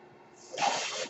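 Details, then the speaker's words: Speaker's own mechanical ventilator heard during podcast speech: brief rising hiss of air as a breath is delivered; mechanical ventilator breath sound. "hello everyone my name is that noise earrings my ventilator"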